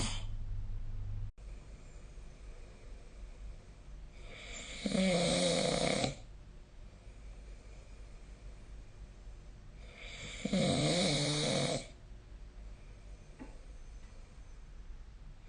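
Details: Sleeping adult recorded with a snoring-tracker phone app: two loud, rattling snores about six seconds apart, with quiet breathing between; snoring.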